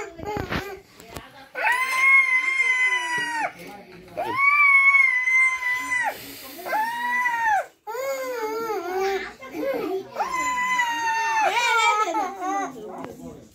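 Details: Loud, sustained wailing cries with sobbing catches between them in a small room: a child crying.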